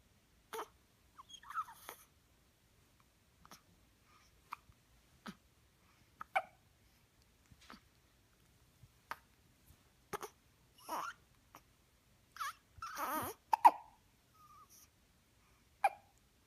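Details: Hiccups: brief, abrupt little catches repeating at irregular intervals, roughly 25 a minute, with some soft whimpering sounds.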